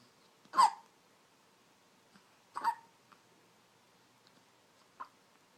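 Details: Preterm infant girl, 2½ months old (1 week corrected age), hiccuping: sharp, brief gulping hiccups, two strong and one fainter, about two seconds apart, in a quiet room.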